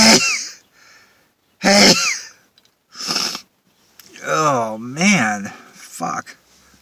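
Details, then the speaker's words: Adult deliberately inducing sneezes by sniffing pepper poured into the hand, sitting in a car with a towel: two sharp sneezes with short breathy intakes, then a drawn-out voiced groan and a third burst, a sneezing fit. "I'm sneezing enough anyways without putting pepper up my nose but I will Oh Oh God oh I have to sneeze"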